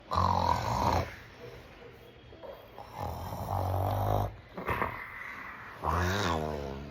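Loud, rough, low snorting snores in three long bursts with quieter breathing between; an adult is faking snoring while awake.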